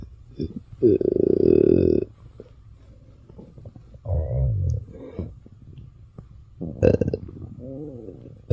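Several loud gurgling, rumbling bursts with quieter bubbling between them, typical of ordinary stomach growling (borborygmi) from gas and fluid moving.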